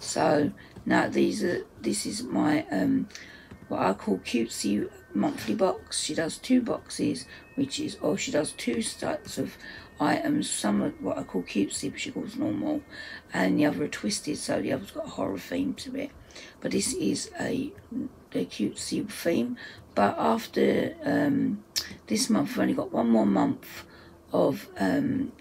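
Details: Adult woman whose dysphonia, she says, is playing up; dysphonia.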